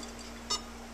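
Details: A single short high electronic beep over a steady low hum from a Bio-Med patient monitor (SpO2, NIBP, temperature, ECG), shown in a product demonstration.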